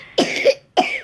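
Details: Two short, harsh cough bursts from a young boy in a coughing fit set off by laughing; his coughing tends to lead to vomiting.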